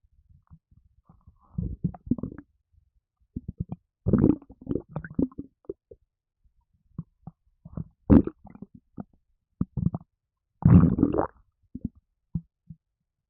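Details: Repeated loud gurgling, rumbling and sloshing bursts separated by pauses after drinking a can of Red Bull energy drink, which made the person gassy; stomach gurgling (borborygmi), with burping also in the recording.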